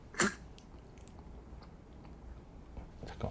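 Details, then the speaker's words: Dog coughing at night, filmed while asleep by owner: sharp harsh cough burst then softer hacking, as if something were caught in its throat; dog cough. "그래서 뭔가 이렇게 까지 걸린 것처럼 이게 제초 증상 이거든요"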